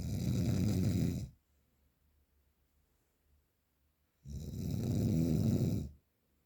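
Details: Real, unprocessed recording of very strong snoring: two loud, rough, rattling snores on inhalation with quiet pauses between; heavy snoring.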